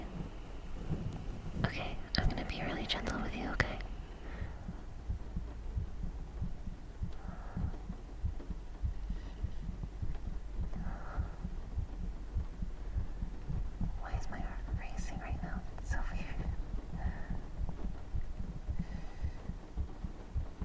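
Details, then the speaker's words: Fast heartbeat: quick, muffled thumps through a microphone held to the chest of a nervous ASMR performer, with soft whispering over the top. "Yeah, that's my heartbeat. I don't know why it's going so fast."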